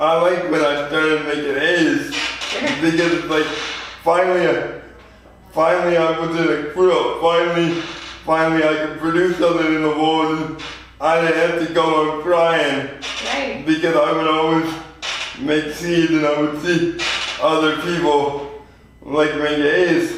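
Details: 24-year-old man with lifelong spastic quadriplegic cerebral palsy, born prematurely weighing 2 lb 4 oz; real patient; spastic dysarthria (cerebral palsy).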